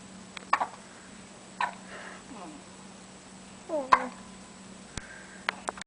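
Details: Twins with dueling hiccups while trying to sleep: brief, sharp, gulping hiccups repeating a few times with quiet gaps in a small room.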